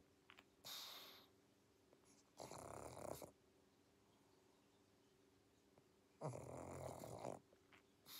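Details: Sleeping pug: rough, rattling snores, two long noisy breaths over about eight seconds with a faint steady hum behind; snoring with snorts.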